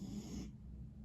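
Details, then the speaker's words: Cat snoring and sniffling nearby: a brief airy hiss, then a low, rattly rumble on the next breath. "О В мене сопить хропить кіт якщо чуєте"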